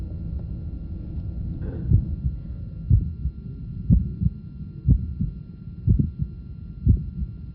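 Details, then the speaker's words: Innocent systolic murmur: regular heartbeat near 60 per minute with a short, soft systolic murmur and a wider split of the second sound that does not become single with expiration. "short typical innocent murmur note innocent systolic murmur and also a wider split of the second sound which does not become single with expiration"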